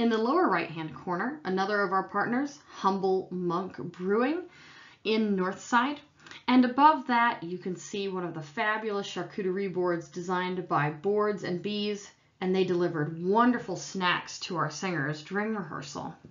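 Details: Adult woman; normal speech.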